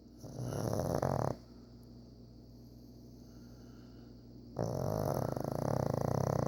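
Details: Pug snoring while asleep: two loud, rough, rattling snores separated by a quiet pause.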